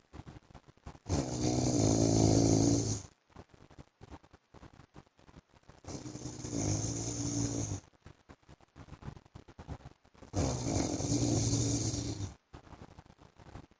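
Three loud, harsh rattling snores, about every four to five seconds, with quiet breathing between; heavy snoring.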